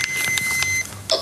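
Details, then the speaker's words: An automated external defibrillator (AED) is switched on by pressing the green button during a studio demonstration of AED use, giving short electronic beep tones before its voice prompts begin. "this is how it works it's very simple open it up take the unit out and as I said earlier you press the green button simple boom and listen for what it"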